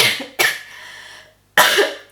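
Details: Two abrupt, harsh coughs in a small room, the first trailing off with a short breathy tail; a plain dry cough during a spoken knitting podcast.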